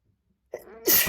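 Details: Man sneezing with visible spray: brief in-breath, then a single forceful, spraying sneeze; sneezing.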